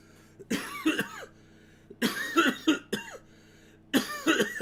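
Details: About eight harsh coughs in three short bouts with quiet gaps, from an adult smoking cannabis dabs during a livestream who first blamed the smoke but thinks they have caught a cold, possibly from germs via their puppy.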